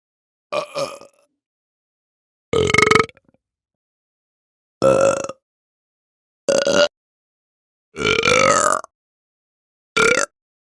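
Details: Sound-effect recording of six loud, drawn-out belches with silence between them; burping.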